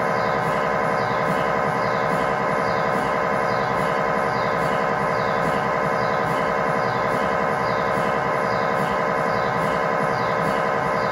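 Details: Loud, steady, rhythmic buzzing and knocking, about 92 pulses a minute, gradient noise of an MRI scanner during a test tibia/fibula (lower leg) scan with a GE high-definition lower-extremity coil (stated as 8- or 16-channel), in a controlled environment.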